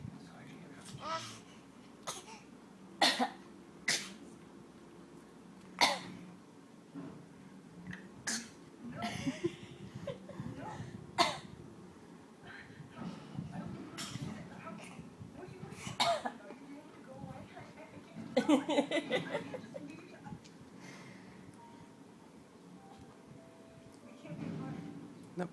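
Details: A toddler girl imitates her mother's cough with a series of short, dry, deliberate voluntary coughs, not from illness, then sucks her toe.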